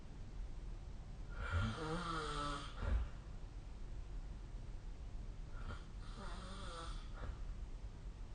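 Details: Two long, rattling inspiratory snores several seconds apart during sleep, quiet room noise between, recorded with the SnoreLab snoring app.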